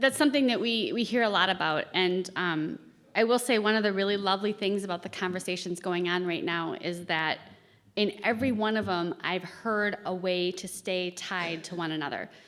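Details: Adult woman speaking; normal speech.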